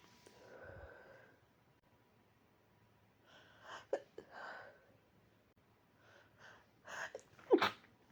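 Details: Person forced not to sneeze: several held-back breaths and stifled sneeze bursts in a quiet room; suppressed sneezing.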